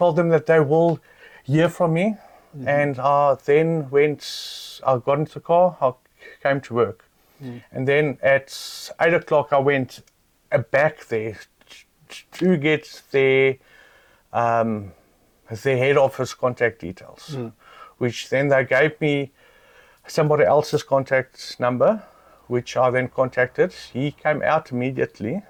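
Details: South African adult man with lifelong stuttering, reportedly worse since being laughed at in public; stuttering.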